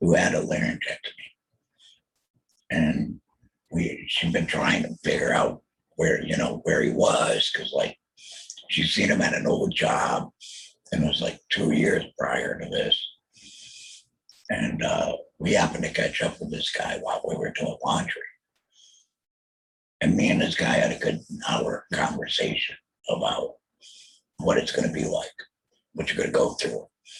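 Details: Alaryngeal speech from a real laryngectomee after a total laryngectomy in 2020 for throat cancer, followed by chemotherapy and radiation.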